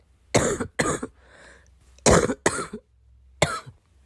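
Five harsh coughs in pairs with a brief breath between, followed by one more: a repeated cough during illness.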